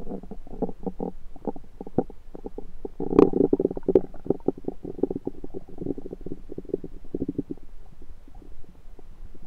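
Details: Own abdomen recorded with a USB stethoscope: continuous low gurgling and bubbling rumble with rapid fluttering pulses; ordinary active bowel sounds (borborygmi).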